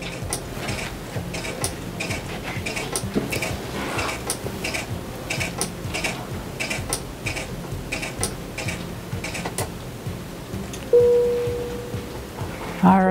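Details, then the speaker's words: Automated blood pressure cuff measurement on a standardized patient at a simulated pre-op visit, taken alongside a breathing measurement, with the patient's heart rate up a little and the patient nervous about surgery. "we're going to go ahead and get your blood pressure at the same time see that you're breathing well your heart rates up a little bit"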